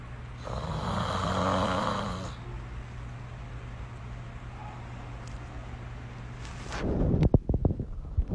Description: Soothing snoring))) Funny animals #shorts